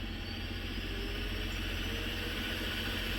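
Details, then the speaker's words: A mechanical insufflation-exsufflation (cough assist) machine cycles with a steady loud rush of airflow and fast fluttering pulses, set to oscillation, during its positive-pressure inhale phase while a patient tries it. "Yeah, you can hear it. But actually, so when you hear that, I have that set as oscillation."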